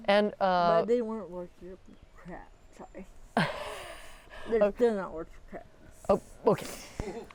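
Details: 40-year-old woman with athetoid cerebral palsy, full-body involvement (quadriplegia), moderate to severe physical involvement, GMFCS level 3/4, uses power wheelchair; speech can be hard to understand; dysarthria (athetoid cerebral palsy).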